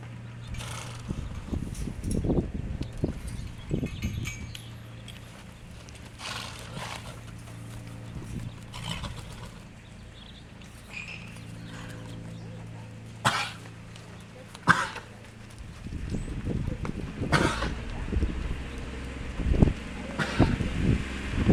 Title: Horse Sneezing - Nikon D3s